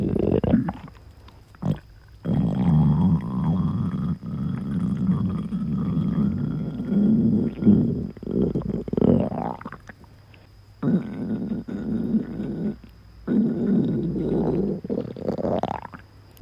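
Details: Self-recorded stomach growling (borborygmi): long, low gurgling rumbles with rising squeaky tones, in several bursts separated by quiet, from gas and fluid moving.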